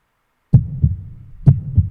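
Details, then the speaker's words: Two low thudding heartbeats, each a paired lub-dub, about 64 beats a minute, regular. "so it's only fitting that that I start this this this video or this introduction off with the sound of a heartbeat"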